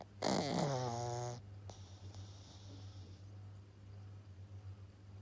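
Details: Snoring in a sleeping 7-month-old Pug puppy: a loud rattling snort at the start, then steady low snuffling breaths with a constant hum behind; snoring.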